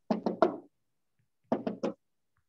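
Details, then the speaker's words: Knocked imitation of a third heart sound (S3, ventricular gallop): two groups of three beats, the third sound following the first and second; a simulated teaching demonstration, not a real recording. "sometimes you have a third heart sound and the third heart sound will follow your first and second heart sound"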